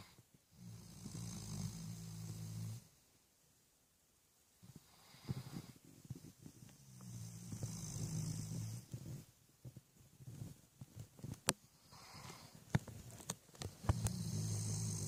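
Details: Sleeping puppy snoring: low, rumbling snores in bursts separated by quiet pauses, with faint clicks in between.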